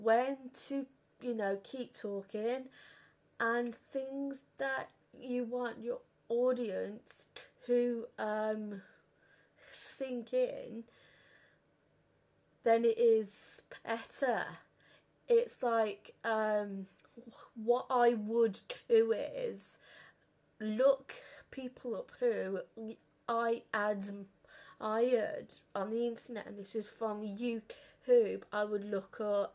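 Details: 32-year-old woman who has stammered since about age five or six, had speech therapy and breathing techniques at 15; stuttering.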